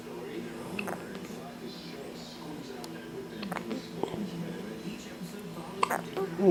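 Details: Infant sucking thumb with hiccups: soft, sharp hiccup clicks a few seconds apart over a steady background hum and faint sounds.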